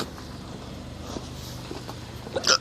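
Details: One sharp hiccup near the end from a person in a car while parking a Kia Soul, heard over low, steady vehicle noise.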